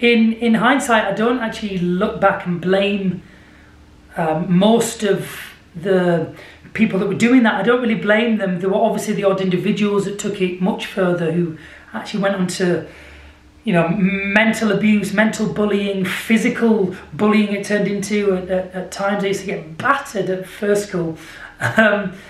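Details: Stuttering (stammer) in an adult male singer who has stammered since childhood.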